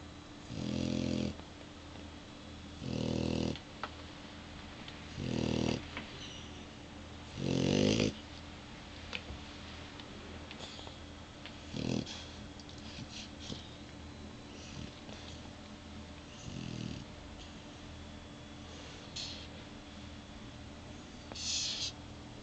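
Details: Lexi the dog snoring: rough, buzzing bursts, loud at first then softer and more widely spaced.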